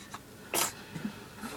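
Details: Baby after a poopy diaper change: one brief, sharp, hissing sneeze burst, followed by soft breathy sounds in a quiet room; sneezing.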